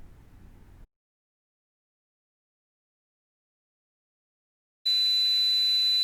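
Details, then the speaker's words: Simulated tinnitus example as heard with Meniere's disease: abrupt loud steady high-pitched ringing over harsh hiss after silence; described as never going away and varying in intensity. "as you can see those sounds are horrible and annoying these sounds don't go away ever and they may increase or decrease in intensity at any time"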